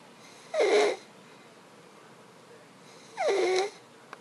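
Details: Stridor in a sleeping child the day after tracheostomy removal: harsh, high-pitched noisy breaths from a narrowed upper airway.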